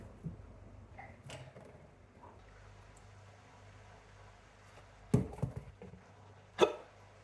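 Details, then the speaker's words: Hiccups heard one morning at home while the person makes breakfast; they complain the hiccups are going to be the death of them. "oh my God these hiccups are going to be the death of me I swear I'm going to rip out my own throat in a second"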